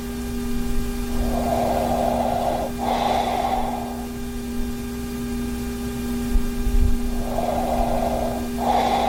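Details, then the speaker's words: Adult with moderate sleep apnea wearing a Zquiet anti-snoring mouthpiece: two low, fluttering snoring breaths several seconds apart over room hum; intermittent snoring. "i started sleeping on my back more for some reason which i didn't really notice until i made this video but with that being said yeah i started snoring a little bit when i was on my back"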